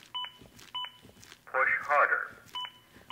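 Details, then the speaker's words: Regular two-tone beeps at about 100 a minute with a short voice prompt: ZOLL AED Plus adaptive CPR metronome pacing chest compressions in a training demo, prompting as compressions are too shallow. "I'm not pushing hard enough the beeps act as an Adaptive metronome that monitors my compressions and tries to speed them up to at least 100 per minute"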